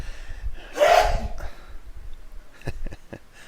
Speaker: know if you can hear that it's pretty good sneezing bless you